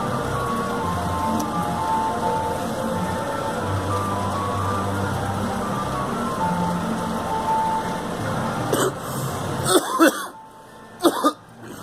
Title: Girl coughing